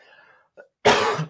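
A single harsh adult cough burst with a smaller follow-up cough, heard during recovery from laryngitis.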